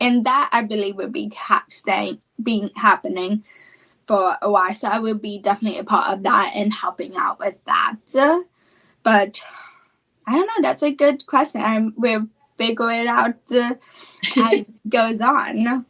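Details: Childhood apraxia of speech, a neurological speech disorder, in a female high school student.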